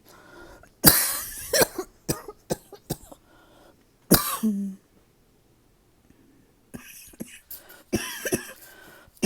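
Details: Persistent cough lasting days, disrupting nighttime sleep: repeated harsh cough bursts and throat clearing in a quiet room, with short pauses between runs.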